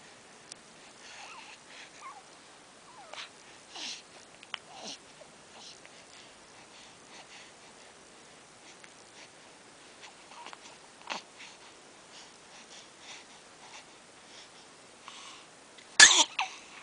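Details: Two-week-old newborn: soft snuffly breathing and sniffs, ending in one sharp, brief sneeze; ordinary infant sneeze.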